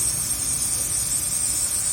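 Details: Steady, even hiss with a low motor hum of a running nebulizer, used for a baby's cold and cough.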